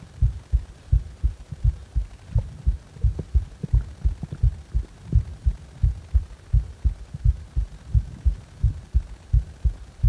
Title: 心臓に違和感があるときの心音